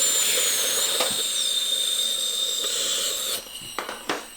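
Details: High-pitched dental handpiece whine with brief gritty contact bursts as a different bur widens the access opening; simulated root canal demonstration on an extracted three-canal tooth assumed deeply decayed.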